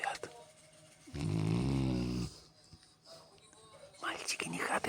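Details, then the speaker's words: Boy snoring: one long, low, buzzing snore with quiet room noise before and after. "мальчик хватит храпеть"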